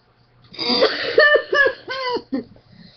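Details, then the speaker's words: A run of about five harsh, voiced coughs in quick succession, tailing off, from a child who says he is very sick with a really bad cough. "better oh I'm sing about a really freaking bad cough"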